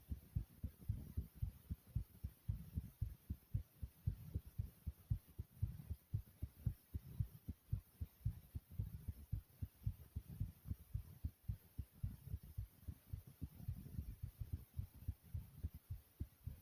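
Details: Fast, strong, low heart thumps at about 113 beats per minute: a rapid pounding heartbeat (tachycardia).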